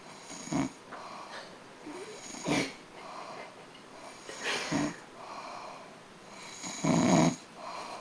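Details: Short snorting snores about every two seconds over soft breathing noise during sleep; snoring.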